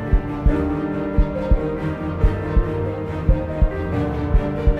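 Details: Produced heartbeat sound effect in an epic music mix: steady paired low thumps, about 57 a minute, under dramatic music.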